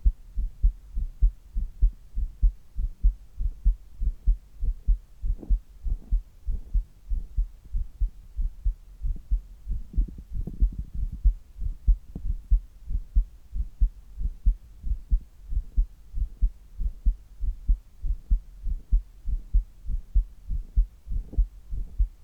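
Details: Adult's resting heart sounds before doing handstand push-ups: steady, regular low thumps at roughly 95–100 beats a minute; normal heartbeat.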